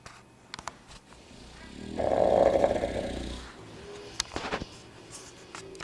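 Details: One drawn-out rumbling snore with rough fluttering in the middle, between short clicks and room noise; snoring.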